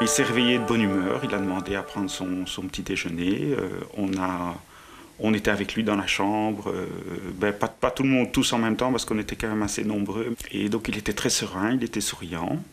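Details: Adult male speaker; normal speech.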